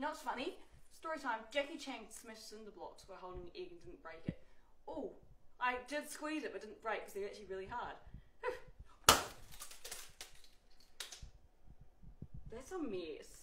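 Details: Vocal tics of Tourette syndrome in a young woman, with repeated vocal tics while she cracks and handles eggs.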